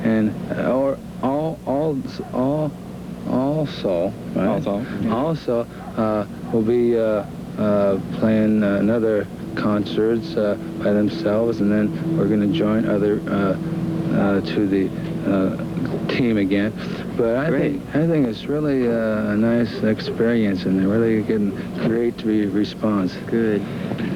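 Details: Aphasia in an adult man from brain damage in a near-fatal 1966 car crash with coma, recorded in 1978, about 12 years into recovery after relearning to speak.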